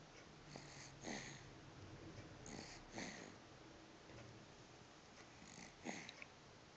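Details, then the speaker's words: 9.5-week-old girl with her first cold, congested, snoring while asleep on a lap, which she does not usually do; breath-holding noted: soft, noisy snuffly snoring breaths every couple of seconds. "She's had her first cold. And she's sleeping on my lap right now. And she's snoring."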